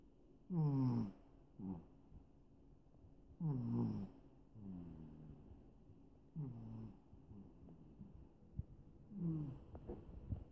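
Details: Soft, whistling, tonal snores repeating every few seconds with quieter sighing breaths between, while asleep in a lap; snoring during sleep.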